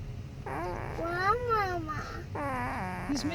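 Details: A sleeping 3-week-old baby boy makes drawn-out squeaky, whimpering grunts, the odd vocal noises typical of newborn sleep.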